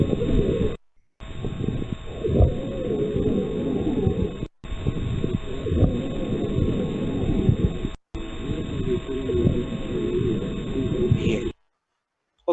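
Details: Simulated auscultation in a lung sounds teaching practice: rhonchi with wheezes, of asthma.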